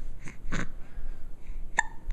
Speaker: yes yes the hiccups are awful i know